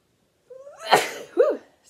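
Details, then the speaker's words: Adult knitter with bad seasonal allergies from rainy weather: a rising in-breath, then one loud voiced sneeze followed by a short vocal sound; allergic sneeze. "me again you guys my allergies are terrible right now the weather here it's been raining a lot so it's turning up just all kinds of garbage so I'm kind of miserable with my allergies right now so that's that"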